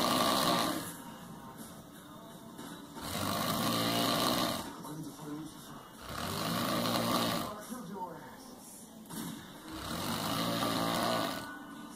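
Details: Snoring: loud, rough snores on each breath in, about 18 a minute, with quieter breaths out between them.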